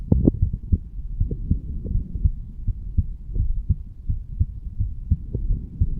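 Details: Heartbeat of a 35-year-old standing male, recorded over the mitral (bicuspid) valve area: regular low lub-dub heart thumps, normal heart sounds.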